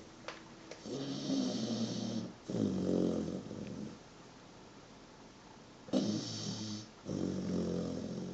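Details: A 123-day-old, 23 kg puppy asleep on someone's foot, snoring loudly: repeated rumbling snores, about four noisy breaths with a pause in the middle, in a small quiet room; snoring.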